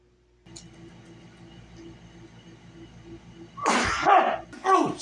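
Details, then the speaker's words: Roommate sneezing very loudly, said to do so every time: quiet room hum, then a loud, forceful, noisy burst and a second explosive burst shortly after, an exaggerated loud sneeze. "oh Jesus you really have to sneeze that loud can't help it I don't know why I do that every time it sneeze"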